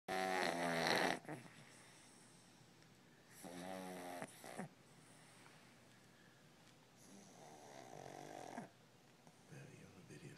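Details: Doug, a pug, snoring like an old man: one loud raspy, buzzing opening snore followed by softer ones with some hissing; flat-faced dog snoring.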